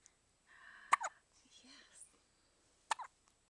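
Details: Young child with frequent hiccups, reportedly present even in the womb: two sharp, abrupt hiccups about two seconds apart with soft vocal sounds between them.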